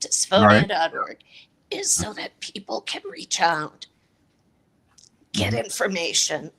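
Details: Adult woman with a chronic voice disorder; dysphonia.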